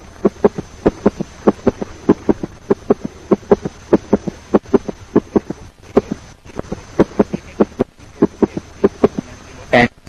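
Regular heart sounds with a galloping, three-beat rhythm: an extra low, dull sound follows soon after the second sound in each cycle. This is an S3 gallop, a sign of rapid early filling of a stiff or overloaded ventricle. A faint steady whine sits in the background.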